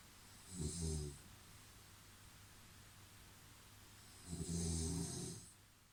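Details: Snoring: two deep, rumbling snores about four seconds apart, with steady low room hum between them.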